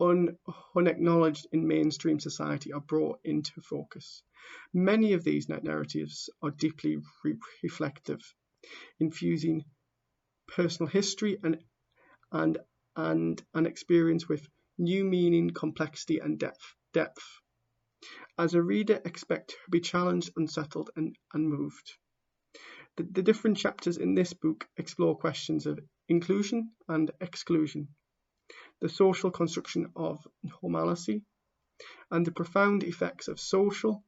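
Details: A man who stammers reading aloud the introduction to his own book, with real stammering in the reading: stuttering.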